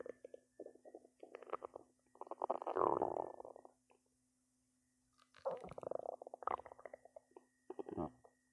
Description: My belly start to growl a lot